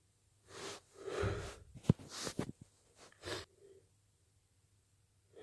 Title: stifles nose blows and strong wet sneezes